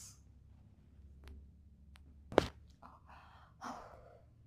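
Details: Quiet room, then a sudden sharp gasp followed by breathy exhalations; a startled gasp during a chiropractic adjustment, with arms held back and head looking up.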